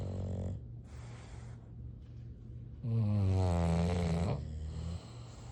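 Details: Sleeping English bulldogs snoring: deep, rumbling, resonant snores, one long loud snore standing out against softer ongoing breathing noise.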